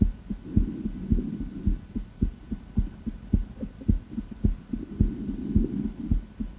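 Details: A female heart heard by stethoscope auscultation: regular, crisp low heart thumps at a fairly quick pace with a soft rumbling hum swelling behind; normal heart sounds.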